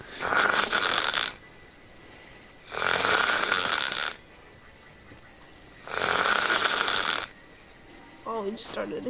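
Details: Person snoring loudly in sleep after a 4 a.m. gaming session: three loud, rasping breaths repeating every few seconds in a quiet room, faint noise between.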